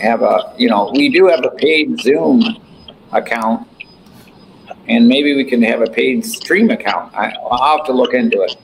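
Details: Adult male speaker; ordinary speech.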